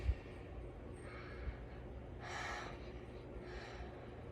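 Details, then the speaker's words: Patient sitting up, demonstrating deep breathing exercises, breathing in and out, taught after surgery before coughing exercises. "Like this, and then okay, so we're gonna do breathing exercises. So we're gonna breathe in and breathe out just like this."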